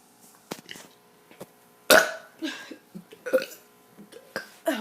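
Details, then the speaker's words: Several short, irregular throaty belches of varying loudness from a kid; burping. "hey guys what is up today i am going to be doing kid doing burps 25."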